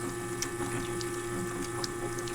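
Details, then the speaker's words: Dental lab demo of investing sprued restorations: steady motor hum with pump-like whir and faint sloshing as a vacuum mixer runs about 30 seconds to a minute, vacuum gauge meant to read in the green. "We'll turn it on first. We're going to lock it in and we put in the vacuum. So, as we mix it, you see the vacuum supposed to be in the green."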